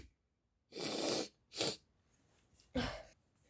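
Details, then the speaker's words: Brother sneezing: three sharp hissing sneezes in quick succession in a quiet room. "everyone today i'm gonna film my brother i'm gonna record my brother when he's sneezing so yeah let's get started"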